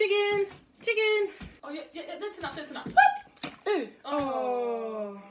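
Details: Female creator with Tourette syndrome speaking while cooking, with repeated words that are likely vocal tics; vocal tics (Tourette syndrome).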